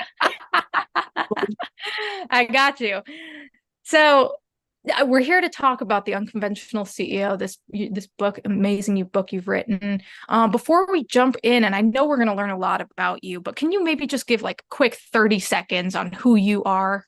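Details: Adult woman speaking; typical speech.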